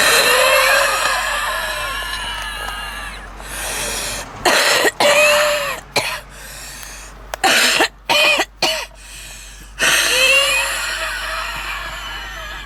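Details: Woman smoking in a car: long, loud, whistling inhalations around a cluster of harsh coughs; wheezing with smoker's cough.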